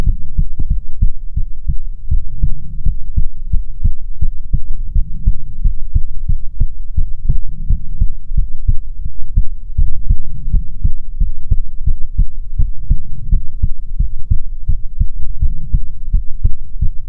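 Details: ASMR heartbeat recording, presented as soothing heartbeats from a female persona: steady low thumping, about 80 beats per minute, regular rhythm over a soft hum; normal heartbeat.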